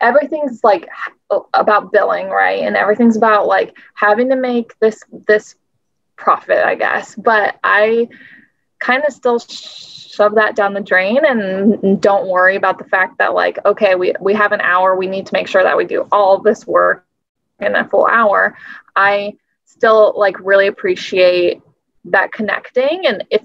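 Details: Adult woman speaking; normal speech.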